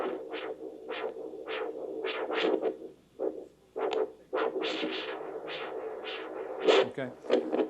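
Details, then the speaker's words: Abnormal handheld Doppler signal in peripheral vascular disease, demonstrating obstructed artery with little flow: rhythmic whooshing pulses over a steady hum, contrasted with a normal signal. "now if the artery were obstructed if there weren't much flow in it here's what it would sound like"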